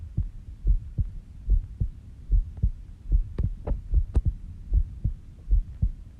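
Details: Heartbeat recorded at 5:30 am while sleeping, heart slow at about 70 bpm; steady low paired thumps near 72 a minute with faint clicks of movement noise, a normal calm resting heartbeat.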